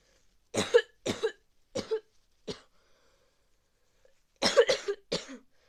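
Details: Seven harsh coughs in two runs from a bad common cold.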